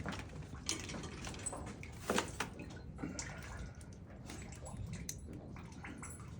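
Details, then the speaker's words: Cow with an edematous uterine prolapse hanging about three hours, poor prognosis, after epidural lidocaine block: water pouring and splashing with faint room noise as cold water is poured over the prolapsed uterus to contract it. "Я палив матку холодною водою зразу. Чому холодною водою? Тому що це самий оптимальний варіант для того, щоб нам узять і е максимально її скоротить."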